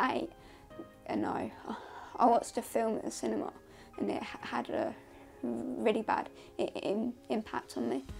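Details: Male interviewee whose stammer began when young, lasted about a year, stopped, then returned; he avoids speaking for fear of stuttering; stuttering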